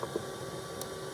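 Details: Respironics DreamStation CPAP machine running during a demonstration of adjusting the humidity and heated-tube settings: steady soft whooshing hum of blower airflow with a couple of faint clicks.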